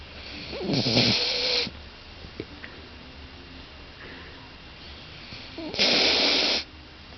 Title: snoring.AVI